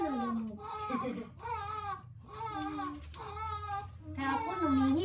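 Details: Newborn cry after a hard normal vaginal delivery of a second baby, described as initially not crying: short, repeated crying bursts with brief breaths between, faint room noise underneath.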